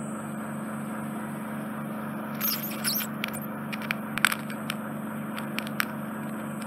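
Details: Endoscopic suction near the eardrum in a male's narrow, infected, smelly, tender right ear canal occluded by dead skin and debris: steady suction hum with scattered crackling and scraping as debris is drawn up.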